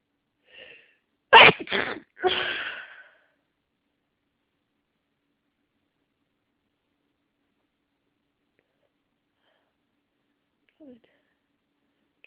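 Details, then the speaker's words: Person with nasal congestion and a tickling nose finally sneezes after it was stuck: a quick sharp intake and burst, then a breathy follow-through, then silence. "Let me sneeze. Oh, finally. Oh. Oh. Oh. That felt good."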